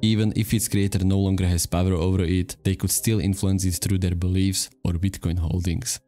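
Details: Adult male narrator; normal speech.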